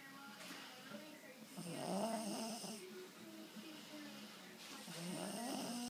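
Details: Asleep in a chair, low rumbling snoring that rises and falls over a few breaths, with faint background sound.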